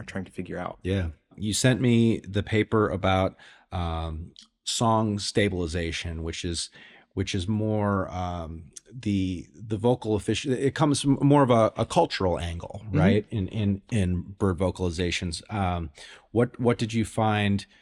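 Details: Adult male speaker in conversation; ordinary conversational speech.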